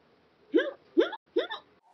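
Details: Hiccups from the character Mr. Clay in a 2011 episode: three abrupt voiced hiccups about every 0.4 seconds, each a sudden catch of breath with a short squeak.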